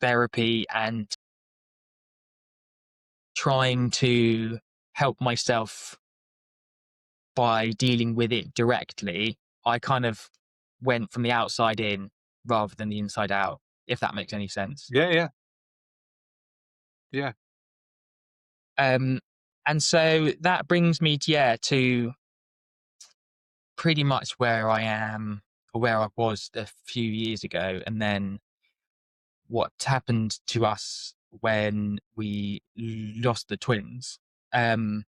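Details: Adult man with lifelong stuttering (speech stammer since childhood), self-described as not too severe; blocks and repetitions; stuttering.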